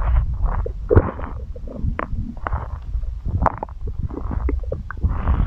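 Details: Loud, close-up gurgles, squelches and popping rumbles in quick succession: active stomach growling (borborygmi) recorded for ASMR.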